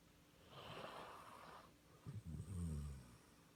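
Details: Snoring during sleep: a breathy inhalation followed by a low, rattling snort-like snore.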